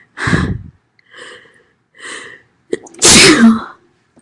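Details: Female, loud sneezing: sharp inward breaths building to one loud, explosive sneeze; an ordinary sneeze.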